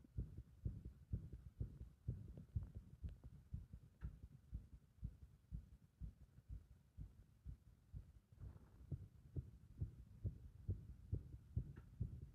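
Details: Fast, uneven heart sounds at about 120–130 beats a minute with irregular spacing, the rhythm disrupted by compression; irregular heart rhythm.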